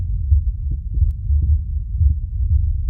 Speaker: Relative silence is heard in his POA during a dinner scene, where the only sound you can hear is the faint beating of his heart.